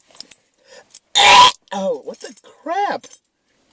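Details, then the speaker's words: Person violently chokes after swallowing spit that went down the wrong tube, then burps: a sudden harsh, noisy choking burst, then a strained croaking burp-like sound. "are you okay yeah i'm fine i just swallowed some spit just went down the wrong tube but thank you though"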